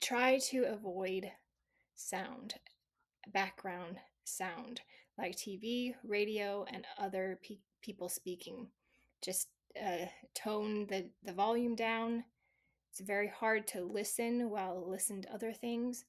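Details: Residual aphasia in a female stroke survivor whose stroke at age 18 was due to a heart defect; originally global aphasia, improved over 26 years with speech therapy and practice but still present, with variable day-to-day performance.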